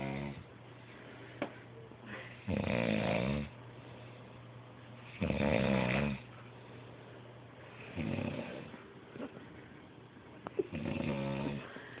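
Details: Loud snoring: rough snores on each breath in, about 5 a minute, with quieter breathing and a steady hum between them.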